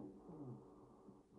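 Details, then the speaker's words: Stridor: a harsh, tonal, musical breath noise over the windpipe from upper airway obstruction, as from a foreign body such as a toy stuck in a child's airway or esophagus. "so again that's caused by a foreign body typically in the esophagus or airway"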